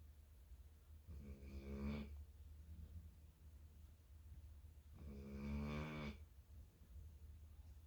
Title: 11 month old can sure snore!!!